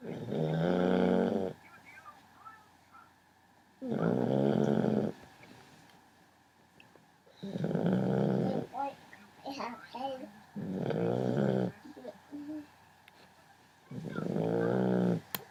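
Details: 11-week-old puppy asleep in the dark at 4am: loud rattling snores on each breath, about 18 a minute, with quiet pauses between; ordinary puppy snoring.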